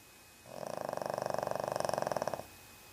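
About two seconds of steady, rapidly pulsing rumble, like a fluttering snore or purr; a sleeping dog's snoring.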